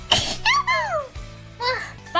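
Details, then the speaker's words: A sudden noisy sneeze from a streamer over background music, followed by high voiced sounds and apologies in French. "éternué oui j'ai éternué vous avez entendu pardon excuse-moi pardon"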